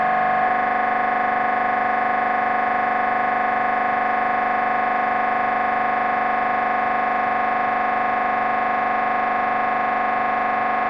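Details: Steady, loud, buzzing electronic drone with rapid regular pulsing, unchanged throughout, from an MRI scanner during a brain scan; a downloaded sample recording of normal scanner noise.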